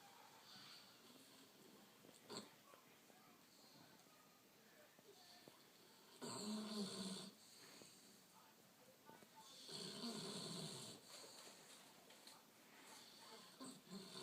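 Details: Snoring in a sleeping bulldog: two noisy, snorting breaths over a quiet background, with soft hissy breathing between them.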